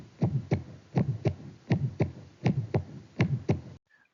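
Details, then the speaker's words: Pediatric Still's murmur: regular heartbeat near 80/min with soft, vibratory, musical early systolic ejection murmur, grade 1–2/6, short, non-radiating, at left lower sternal border; innocent, benign. "it is non-radiating early systolic ejection mmur a low intensity between 1 to 2 over six short duration located at the left lower external border vibratory or musical quality"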